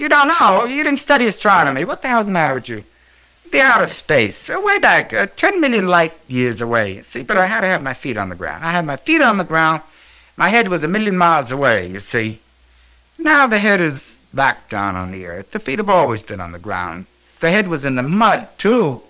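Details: Patient in a manic episode (bipolar disorder), 1960s historical clinical interview, talking on without interruption and moving rapidly between topics: pressured speech with flight of ideas (mania).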